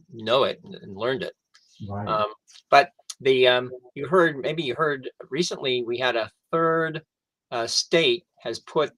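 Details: Adult male stroke survivor who lost his language after a stroke, now with mostly expressive (Broca's) aphasia plus some receptive difficulty; expressive (Broca's) aphasia.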